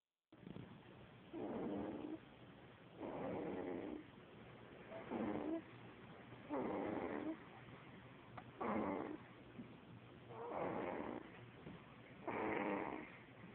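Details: A child snoring just like her father: regular soft snoring, about seven snores at roughly 33 breaths a minute, over a steady low background hum.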